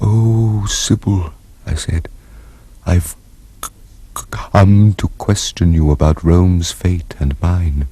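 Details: Acted stammer in a dramatized TV portrayal of the adult male character Claudius, whose stammer is mockingly imitated by another character.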